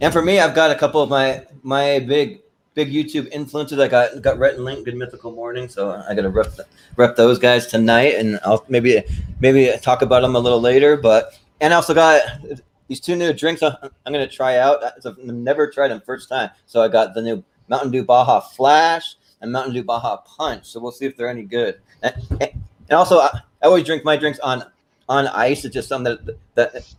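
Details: Stuttering present since birth in an adult male, more noticeable when talking fast.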